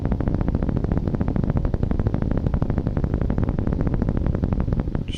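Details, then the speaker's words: Needle EMG (Neuro-MVP micro device) while the patient presses lightly against resistance near the elbow to contract the muscle: rapid regular crisp popping over low hum, normal motor unit potentials auto-detected by the software. "то есть мы с вами видим как раз вот эти потенциал двигательных единиц которые машина программа автоматически нам находит"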